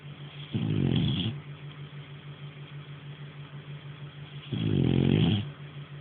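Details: Nara, a French Bulldog, snoring in sleep: two loud, rattling snores about four seconds apart with a steady low background hum.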